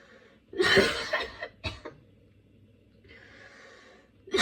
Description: i caught a cold and besides the runny and blocked nose a cough came included, while trying out aroma inhalation this little fit came along, got my lungs rly painful!